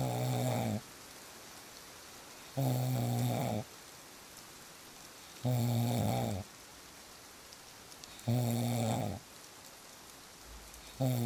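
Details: Real snoring recording: regular, low, rattling snores about every 2.8 seconds, roughly 21 a minute, over steady rain; snoring.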